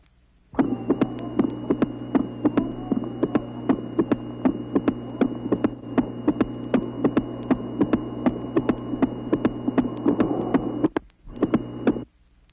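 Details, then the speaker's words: 1967 auscultation teaching record, tracing 4: patient with an artificial ball-type mitral valve, sharp hard clicks at the first sound and opening snap, about 80 beats a minute. "tracing number four auscultation of a patient with an artificial mitral valve as it moves the little plastic ball produces clicks corresponding to the first sound and to the opening snap these artificial clicks can be recognized by their characteristic tone"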